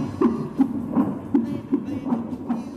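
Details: Quick, regular whooshing pulses around 160 a minute, the fetal heartbeat heard at a woman's first ultrasound at seven weeks of pregnancy; fetal heartbeat.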